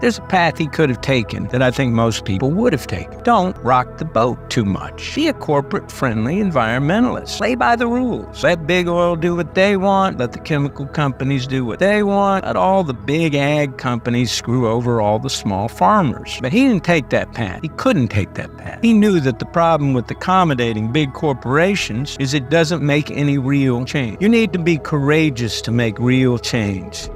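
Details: Adult male speaker; ordinary speech.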